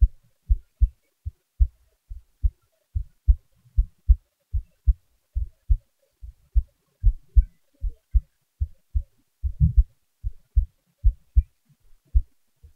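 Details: Own heartbeat recording with boosted volume: low paired thumps at roughly 75 beats a minute against a quiet background; normal heart sounds.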